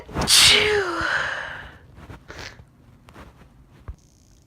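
One loud voiced sneeze with a rising intake and a trailing vocal tail, followed by quiet breathing and small movements.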